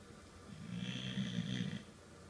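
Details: Someone sleeping in an uncomfortable position, snoring: a single low, rough, rattling snore lasting about a second during sleep breathing.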